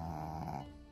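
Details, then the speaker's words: Single brief, low buzzing snore from Choco, a sleeping dog who habitually snores and sometimes wakes up startled by its own snoring; dog snoring. "혹시 영상의 보이시죠 이 아이가 바로 초코 라는 오리지 코골이 강아지 랍니다 자기가 코고는 소리에 놀라서 깨곤 해요"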